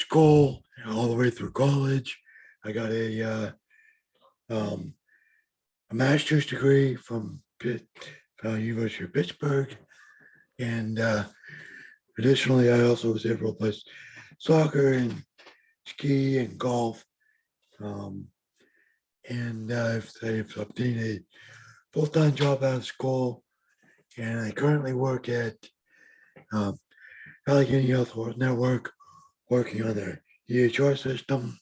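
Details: Adult man with lifelong bilateral severe hearing loss and mild cerebral palsy; deaf speech, the speech of severe hearing loss.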